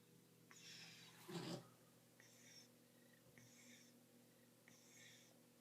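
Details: Sleeping cat breathing loudly, like snoring: soft repeated nasal whistling and snuffling breaths with one louder snort; light snoring.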